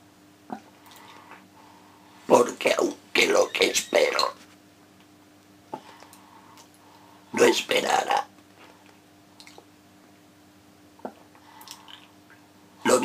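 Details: Adult male reciting a Spanish sonnet in esophageal voice as a voice exercise; esophageal speech.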